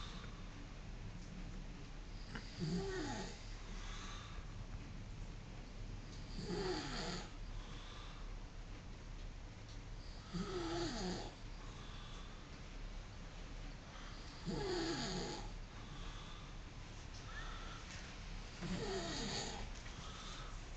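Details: Soft snorting snores about every four seconds, roughly 15 a minute, over steady room hum; snoring.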